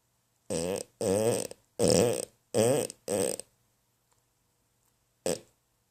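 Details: Snoring: five loud, rattling, buzzy snores in quick succession, then a pause and one more.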